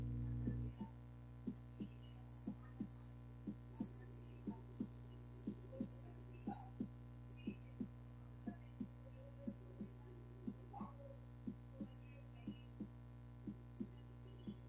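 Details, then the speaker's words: Normal, regular, rhythmic heartbeat at about 60 beats a minute over a steady electrical hum, played as a normal reference in a cardiovascular disease class. "No, no, no, perdón, me equivoqué. Primero el normal, es rítmico."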